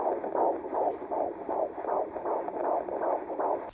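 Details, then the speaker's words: Fetal heartbeat, male baby, first trimester, at a doctor's visit: fast, regular whooshing pulses at 159–160 beats per minute on Doppler, reported as doing really well. "So I went to the doctor on last Wednesday, and I got to hear baby's heartbeat. His heartbeat is between 159 and 160, and he's doing really, really good."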